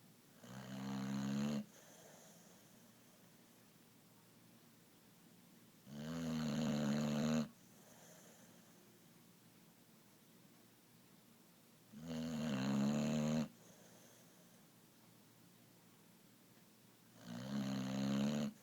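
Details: Boxer dog snoring loudly: rattling snores each lasting over a second, about 10 breaths a minute, with quiet exhalations between; heavy snoring.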